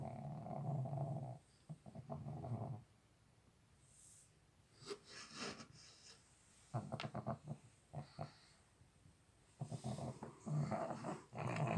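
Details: Sleeping dog snoring loudly, likened to a tractor: deep, rumbling snores in repeated bursts with quiet pauses between breaths, in a small room.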